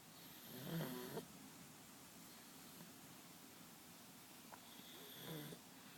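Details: Two soft, faint snoring breaths a few seconds apart in a quiet room; light snoring.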